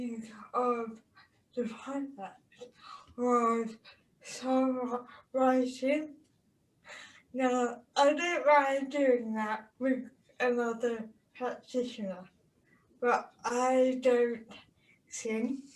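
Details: Person with a speech impediment who stutters more when surrounded by others' speech challenges; stuttering.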